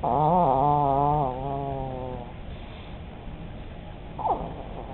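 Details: An old female chihuahua, asleep, dreaming and chewing in her sleep, gives a long, tonal, wavering snore that fades over about two seconds, then quiet breathing and a brief high squeak; snoring.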